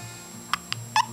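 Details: Newborn baby on the first day home with hiccups: three brief, sharp, squeaky involuntary catches, and the baby does not seem bothered by them.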